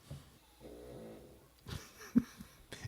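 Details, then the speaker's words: Snoring from a pet dog, heard in the background of a podcast recording. Dog snoring. "what is that noise the the dog snoring yeah Willie willly snoring Willie snore quietly we're podcasting over here"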